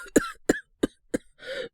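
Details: Acted cough by a male-voiced voice actor playing a young man with a cold, wanting cough medicine at night: four short, dry, hacking coughs, then a breath out.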